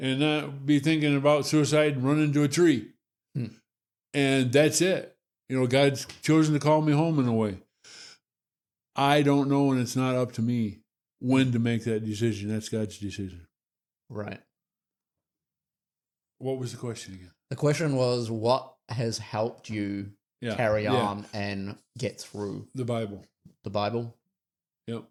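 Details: Adult man with Parkinson's disease, diagnosed about six years earlier; finding: hypokinetic dysarthria (Parkinson's disease).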